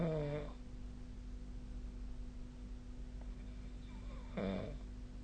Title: 🐽 いびきの音 / Snoring Sleep Sound 2025/05/18